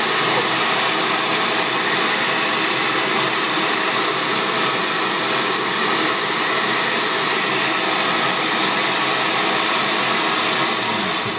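Steady loud whooshing hum of a dental vacuum former running with its vacuum switched on.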